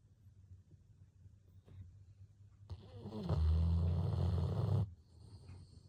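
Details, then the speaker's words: Golden retriever dog snoring while asleep after a walk: a loud, low, rattling snore swells for about a second and a half over quiet room noise. "sing roncando pós passeio com o papai"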